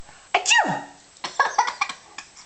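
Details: Funny sneeze that makes a baby laugh, described as fake sneezing: a sharp sneeze with a falling squeal, then a few softer snorts and sniffs.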